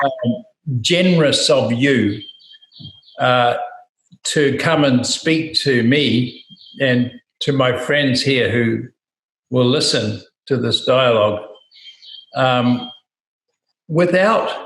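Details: Adult man speaking; ordinary speech.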